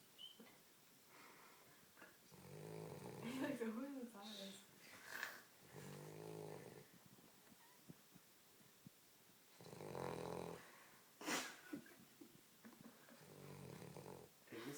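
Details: Dog lying on a couch snoring: several drawn-out, rattling breaths with quiet gaps between and light room sounds; snoring said to get louder.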